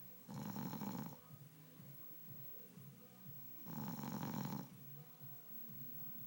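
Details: Sleeping husband gives two deep, rattling snores on breathing in, about 3.5 seconds apart, roughly 17 a minute, with quieter breathing between. Snoring.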